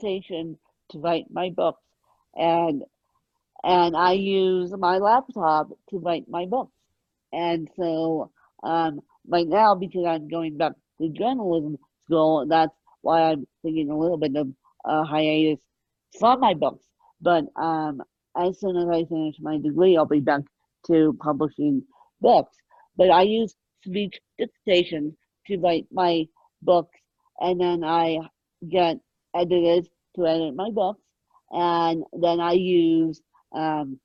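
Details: Ataxic dysarthria in an adult woman with moderate ataxic cerebral palsy present from birth, caused by lack of oxygen at birth, mid-spectrum severity; she needs 24-hour care.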